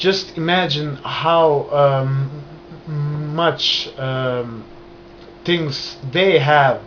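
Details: Adult man stuttering since childhood, onset after a trauma, still present, managed with hand movements and breathing; stuttering.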